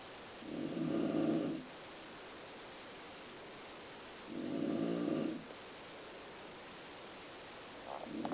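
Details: A mother snoring in sleep: buzzing, rattling snores on in-breaths about every four seconds, roughly 15 breaths a minute, over steady room hiss.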